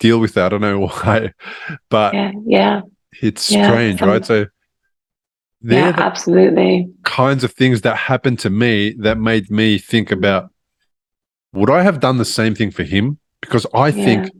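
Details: Adult male speaker; normal speech.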